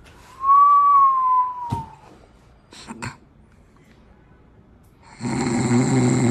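A whistling breath, soft snorts, then a noisy rasping inhale in a quiet room, consistent with snoring.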